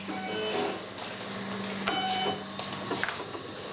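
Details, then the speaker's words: Dental CAD/CAM milling machine in a Hungarian dental clinic carving a crown from a porcelain block in about 15 minutes: a steady mechanical hum with whirring, shifting tones. "C'est la machine qui fabrique les couronnes. Je pose un bloc de porcelaine et elle dessine la dent en 15 minutes."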